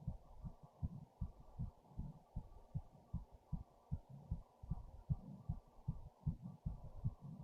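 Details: Tachycardia, heart racing after standing up with fast breathing, recorded with a headphone speaker: rapid, regular low thumps at about 150 a minute over a faint hum.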